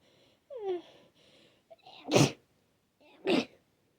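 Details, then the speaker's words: Person with a wet cold, runny, itchy nose and sneezing all day: a short groan and sharp inhalation build-up, then two forceful sneezes in quick succession. "I've been sneezing all day, and I don't know how many times I've sneezed now, but I don't think I'm done. Not again."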